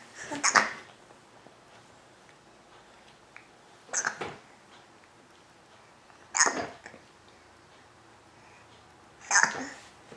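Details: Four sharp, abrupt hiccups roughly every three seconds in a quiet room, from a girl who got hiccups after dinner.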